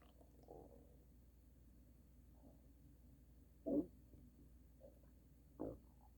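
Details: Loud, extreme stomach rumbling, described as thunder stomach; borborygmi.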